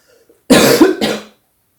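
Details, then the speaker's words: Adult woman's announced cough: two close, harsh bursts, the second shorter and fading, in a quiet room; plain cough. "Bref, donc en plus, comme on m'a demandé, alors je vais tousser, attention aux oreilles si vous écoutez avec un casque."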